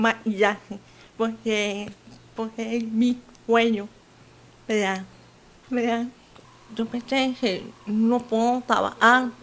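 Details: 28-year-old woman with hearing loss since birth who uses a hearing aid and has some difficulty speaking, speaking Spanish; deaf speech.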